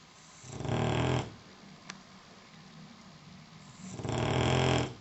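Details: Snoring during sleep: two deep, rattling, low-pitched snores about three seconds apart with quiet breathing between them.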